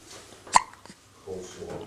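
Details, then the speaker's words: An infant boy with hiccups, eyes open, gives a single abrupt, sharp hiccup followed by a faint little sound. "you are absolutely gonna hate it when you have the hiccups and you have absolutely no idea you're completely oblivious to the fact that this is an annoyance to you"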